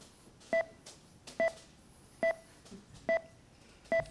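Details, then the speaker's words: Simulated virtual anesthesia machine alarm during a demonstration failure, warning of low inspired oxygen (FiO2 16%): steady two-tone beep repeating about 70 times a minute. "so again alarm and the alarm is telling me my fio2 is 16 and of course I'm going to turn it off"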